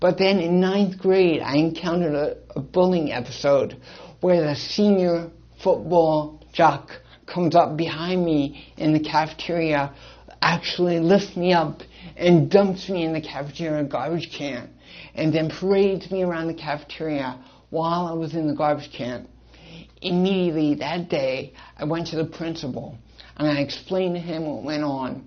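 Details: Dysarthric speech in an adult male with congenital cerebral palsy and associated hearing loss.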